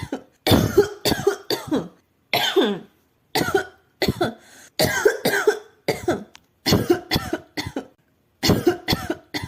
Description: Este es el sonido de una mujer tosiendo.